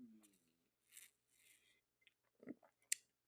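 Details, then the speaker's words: Woman's stomach growling (borborygmi), heard repeatedly during a podcast: a brief low, gurgling, downward-sliding rumble followed by soft hissy and clicking noises. "can you hear my stomach growling that is embarrassing that's embarrassing and I'm not going to sit here and act like it's not"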